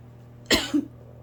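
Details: An adult has a nighttime asthma coughing fit, nonstop coughing on lying down to sleep for several nights: a single sharp cough with a brief voiced tail.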